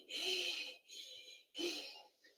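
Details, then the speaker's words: An instructor's mouth-blown imitation of a pleuritic breath sound, breathy in-and-out hisses with an 'e'-like timbre, in a chest auscultation lesson contrasting tubular, pleuritic and cavitary breath sounds. "Entonces más o menos Esto es así Eso sería un tubico el pleurítico más o menos"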